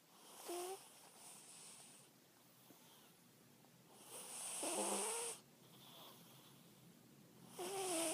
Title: my cat snoring